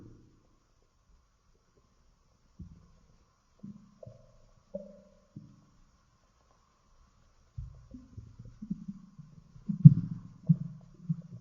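Quiet low squeaks and short gurgles, then a longer rumbling growl; ordinary stomach growling, normal bowel sounds.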